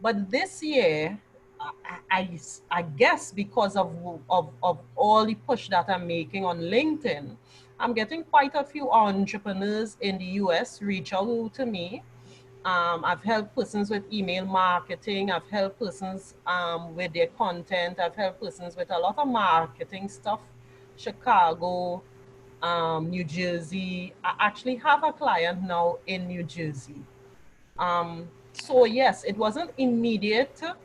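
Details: Adult woman who stammered badly since childhood and has largely controlled it through practice; residual stammering still occurs, which she says is more habitual than from nerves: stuttering (stammering).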